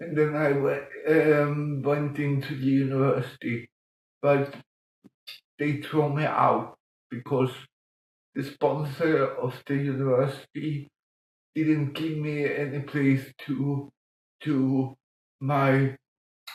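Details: Adult man with mild cerebral palsy from lack of oxygen at birth in 1958; as a child he talked while breathing in, and says music later helped him breathe differently and talk more intelligibly; dysarthric speech (cerebral palsy).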